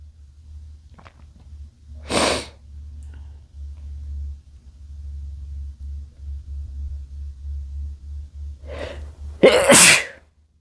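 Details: Male sneezing: two sharp explosive sneezes, the second with a brief lead-in breath, over a steady low background hum.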